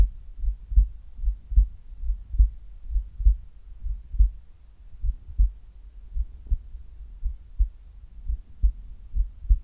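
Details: Heartbeat recorded during sit-ups: firm, regular lub-dub at about 70 a minute with some rustling background; heart sounds during exercise.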